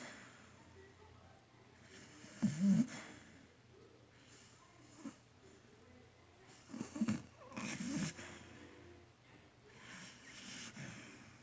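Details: Snoring from a sleeping dog.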